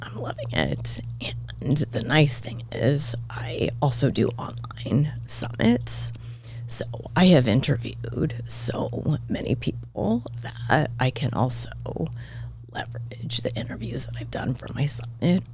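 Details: Adult woman diagnosed this year with spasmodic dysphonia; she attributes it partly to voice overuse and partly to stress, and says it seems to be occurring during this recording; finding: spasmodic dysphonia.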